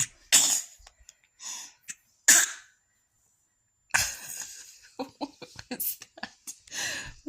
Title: hahaha that cough and sneeze at the end we shall call it a casneeze 🤣🤣🥰